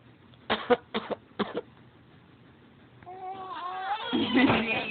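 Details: Four-month-old infant pretends to cough, giving three sets of small, forced coughs, then a long vocal sound; voluntary pretend cough.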